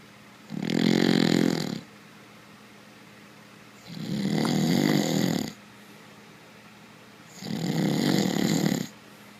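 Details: Sleeping dog snoring: three loud, rattling snores with quiet pauses between, about one every three seconds.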